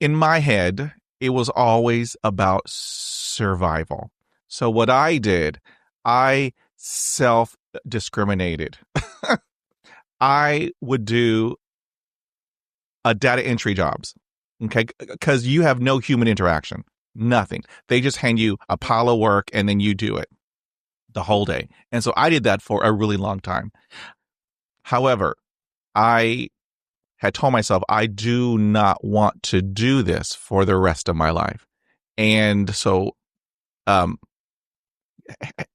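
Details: Adult male who has stuttered since age 5, with on-and-off speech therapy from grade school through college, including therapy in his 20s, and self-esteem struggles due to stuttering; real, unscripted conversational speech showing stuttering.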